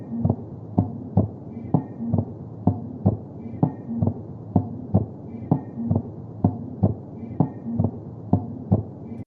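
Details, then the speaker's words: Normal heart sounds near 60 a minute; second sound briefly splits on inspiration as pulmonic closure is delayed; physiological splitting of S2. "However, during inspiration, increased venus return to the right ventricle leads to prolonged right ventricular systol and a subsequent delay in the closure of the pulmonic valve. This results in a normal physiological splitting of the second heart sound."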